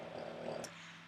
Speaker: and did you hear that that was my dog snoring